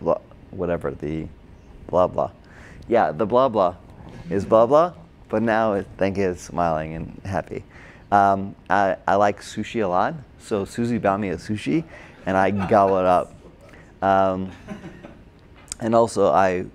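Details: Adult man with Broca's (expressive) aphasia from a stroke during heart surgery in 2007, about 10 years earlier; hospitalized two months, then OT, PT and speech therapy; difficulty with names, numbers, reading and writing; agrammatic speech with word-finding errors.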